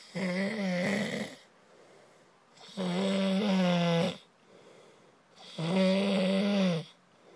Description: Movie title: Sleeping with snore man a horror movie..